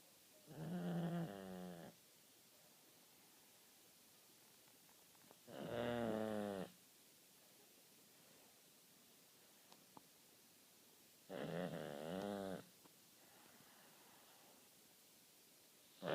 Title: Snoring ....... Seriously !!!!